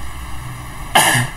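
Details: Cough from an adult with a hoarse voice, occurring while they narrate a tutorial.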